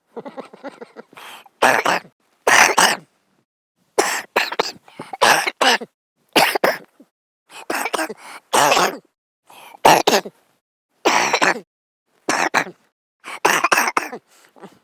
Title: Men cough during sleep